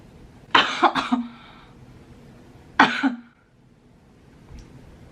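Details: Two short, harsh throat-clearing bursts in a quiet room, the first with a quick double pulse, from a woman piercing her own nose who says she feels she has to sneeze again.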